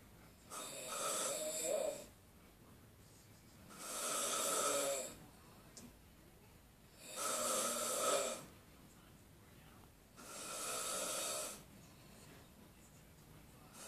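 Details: Very loud, harsh snoring on each breath, about four cycles at roughly 19 per minute, with quiet pauses between them; heavy snoring.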